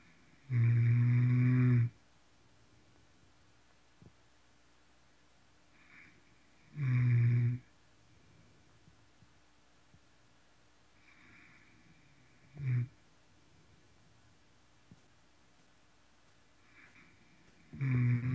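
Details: Heavy snoring in sleep: loud, low, rasping snores roughly every five to six seconds with quiet pauses between them.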